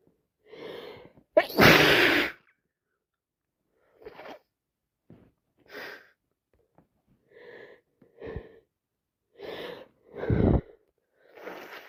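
One loud explosive sneeze followed by several smaller sneezes and sniffs from adults with flu.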